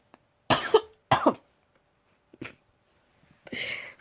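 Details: Two strong wet-sounding coughs, then a smaller cough and a throat-clearing rasp from an adult who has been very ill and still is; cough.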